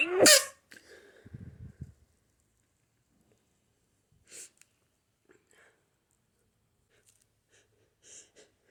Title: Violent hayfever sneezes